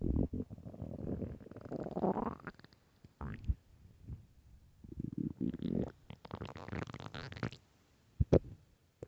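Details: Early-morning stomach growls: repeated low rumbles, squeaky gurgles and bubbling runs; normal borborygmi.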